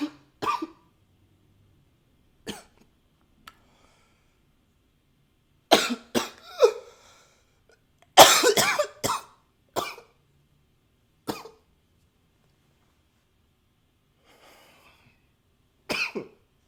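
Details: Coughing recorded with a new high-fidelity microphone: about a dozen short, sharp coughs, single and in quick clusters, separated by quiet pauses in a small room.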